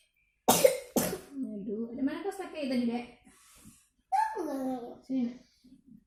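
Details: Young child with fever, cough and cold (runny nose): two harsh coughs followed by whimpering and vocal sounds.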